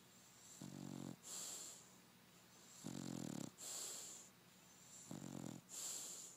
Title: Chewie Snoring